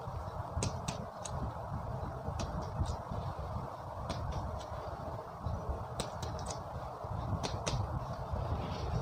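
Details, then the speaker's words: Chest percussion during a respiratory physical examination: paired sharp finger taps repeated at several chest sites over a low room hum, comparing the percussion notes for normal versus abnormal. "Kemudian kita bandingkan suara perkusi apakah normal atau tidak normal."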